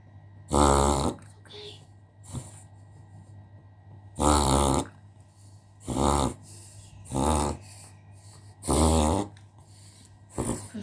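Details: Dog reverse sneezing: repeated loud, harsh snorting inhalations in bursts, about six in eleven seconds, faint background voice; unpleasant to watch but good to know.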